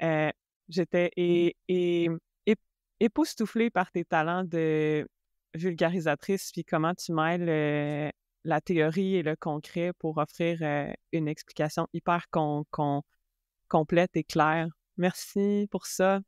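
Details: Adult woman who stutters, herself a speech-language pathologist, speaking French. Stuttering.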